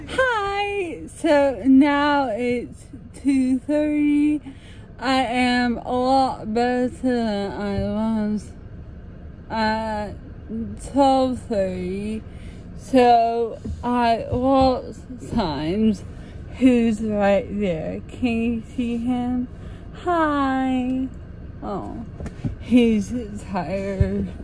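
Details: Woman with dysarthria, possibly seizure-related per tags, recorded at 2:30 pm while out walking, a higher-energy high point of her day; speech varies with practice, energy and mood. Finding: dysarthria.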